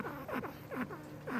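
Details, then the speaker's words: Surrendered guinea pig with a breathing problem unresolved by antibiotics gives repeated short, squeaky whistling tones with each rapid breath; wheezing. "no I can't hear that that wheezing sound can't hear it yeah it's very sad huh"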